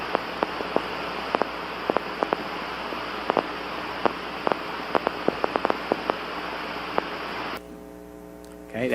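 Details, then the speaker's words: Irregular sharp crackling pops over steady hiss, some very close together, others after long gaps; end plate spikes on needle EMG, not motor unit or fibrillation potentials. "that's an end plate spike that's irregular I'll play it again here's some very short intervals and long gaps"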